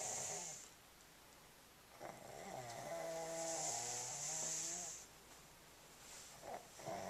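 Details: Soft, high-pitched, whistling snore on the in-breath, likened to a kitten's snoring, with a quieter pause before the next breath; recorded with a Flip Video camcorder.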